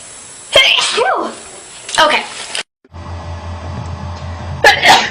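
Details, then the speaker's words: Loud, sharp sneezes from a girl, set off by bubble dust caught in her nose, with voices and music in the background; an ordinary sneeze. "she did okay and above sneezed because bubble dust caught my nose bubble dust"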